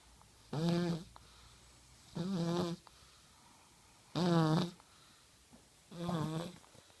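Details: 1-year-old snoring while asleep at night: four rhythmic snores, about 33 a minute, with quiet pauses between them.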